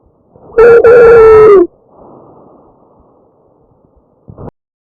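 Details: Tracheal stridor: a harsh breath sound from a narrowed upper airway, heard over the windpipe in a real patient.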